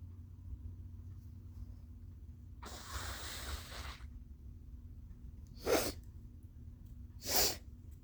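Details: Adult with allergies sneezing: a drawn-out breathy inhale builds up, then sharp explosive sneeze bursts over a low steady hum.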